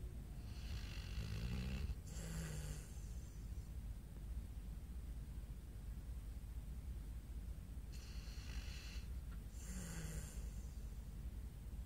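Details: Sleeping pit bull, dreaming, snoring: two loud, rough snoring breaths with a snorting quality over a steady low background hum.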